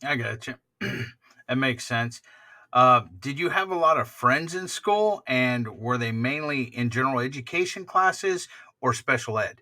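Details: Adult male speaker; normal speech.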